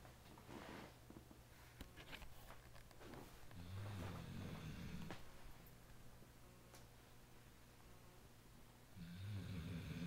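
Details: Faint, low rumbling snores rising and falling over a background hum in a quiet room, from a male sleeper before he wakes out of his snoring position; snoring.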